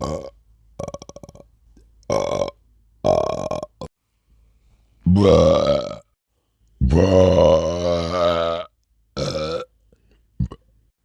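Six or seven separate deep, voiced belches with silent gaps between them, the longest lasting about two seconds; repeated burping.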